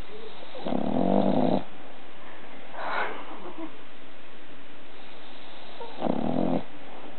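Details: One-year-old bulldog sleeping on its owner snores loudly, just like a human; snoring.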